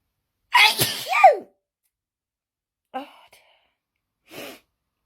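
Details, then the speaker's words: Paroxysmal sneezing fit during a sneezing marathon: a loud forceful sneeze with a sharp intake, followed by short gasping breaths. "I tell you, when I start, I don't stop. Oh dear. It's just crazy. I just don't stop sneezing sometimes."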